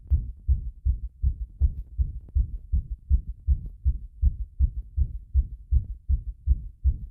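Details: Heart sounds recorded with the chest pressed after bathing: regular low thumping heartbeat, fast at about 160 beats a minute as picked up.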